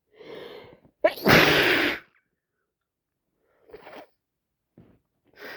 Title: Day 2 of cold , need someone help me with this snotty mess #snotty #achoo #cold #sniffles #snot